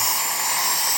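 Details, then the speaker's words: Loud, steady high-pitched high-speed dental drill whine: a 330 carbide bur removing old filling material from the buccal surface during a female patient's crown preparation; decay was found on the buccal and occlusal surfaces. "last thing I do is I'm going to go right over to my 330 Burr carbide here and I'm gonna remove all the old filling material she's got some stuff on her buckle I'm going to remove that"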